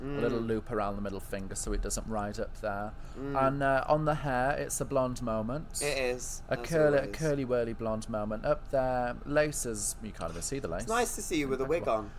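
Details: Adult male speaker; Normal speech.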